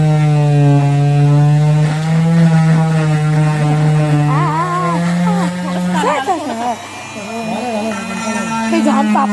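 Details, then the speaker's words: Cast saw buzzing with a changing-pitch whine as it cuts a modern plaster cast off the leg in hospital, voices nearby; patient reports skin scraping, heat and pain during cutting. "ते machine स्किनसाठी घातक नव्हतं पण तरीसुद्धा ते machine पायाला लागून लागून स्किन माझी थोडीशी सोलवटत होती आणि त्याच्यामुळे मला थोड्या वेदना होत होत्या."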